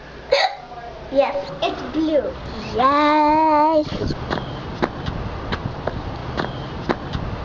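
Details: Young daughter with a run of sharp, short catches at irregular gaps of about a second after brief voiced sounds; hiccups.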